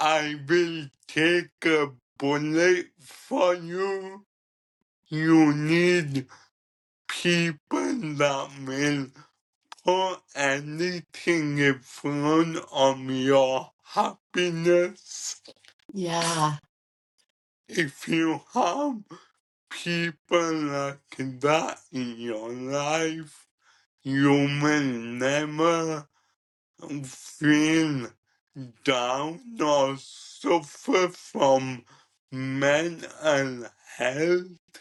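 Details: 27-year-old man with cerebral ataxia present from birth, diagnosed at 15, which he describes as degenerative and affecting his coordination, talking and movement; ataxic dysarthria.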